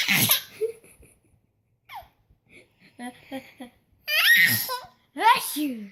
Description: Adorable 11 month old fake sneezes so well! Sisters sneezes and then she sneezes! Monkey see monkey do!